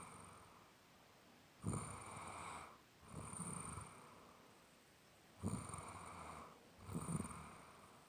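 Rough, rattling snores with each breath in, with quieter breaths out, about 16 breaths a minute in a quiet room.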